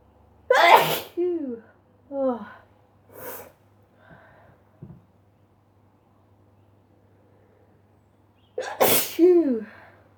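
Two explosive sneezes, each with a sharp intake then forceful burst and trailing vocal sound, separated by a quiet pause; repeated sneezing.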